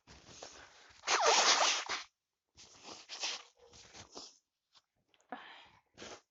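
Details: Person with a cold after sleeping with the window open, sneezing: a few explosive noisy bursts separated by short pauses.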